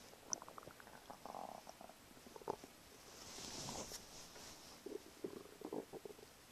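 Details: Stomach rumbling in the morning: irregular gurgling and bubbling rumbles from the gut.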